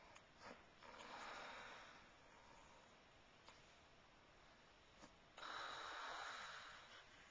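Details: Grandma snoring, recorded on a Flip Video camcorder: slow, rough, hissing breaths with snorting noise, two louder snores several seconds apart; snoring.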